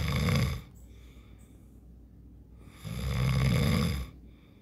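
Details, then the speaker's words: Adult man sleeping, two loud, low rumbling snores about three seconds apart with quiet gaps; ordinary snoring. "এইটা হচ্ছে আমার husband ঘুমিয়েছে ও না ডাকছে"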